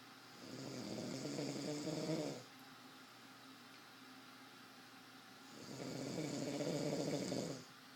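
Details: Sleeper in bed, suggested drunk; two long rattling snores about three seconds apart with quiet pauses, small quiet room; snoring.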